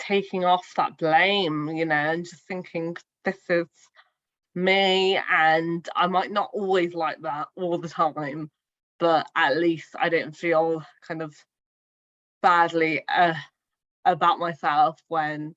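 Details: Adult woman who stammers; stuttering.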